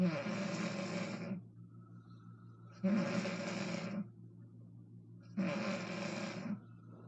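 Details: An adult mother snores loudly and roughly about every 2.5 seconds, each snore lasting over a second, with quiet gaps between; regular snoring in sleep.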